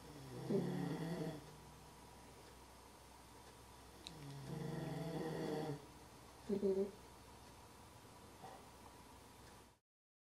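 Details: Repeated low, rough snoring with quieter breathing between, from a man and his dog asleep together on a couch; snoring.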